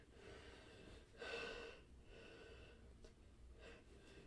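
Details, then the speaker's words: Adult male deliberately stifling sneezes to stay quiet: quiet breathy catches of breath, then a muffled, held-back sneeze with a faint snort, only soft bursts and no full release; stifled sneeze. "Gotta hold it back, no matter what. I really hate stifling. It's so unsatisfying."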